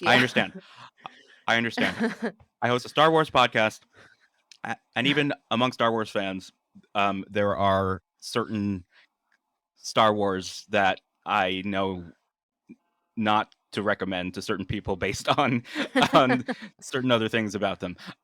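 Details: Adult man who stutters, speaking naturally in conversation; stuttering.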